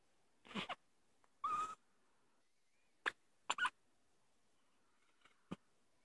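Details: Person with hiccups: about six short, abrupt gulping sounds at uneven intervals in a quiet room.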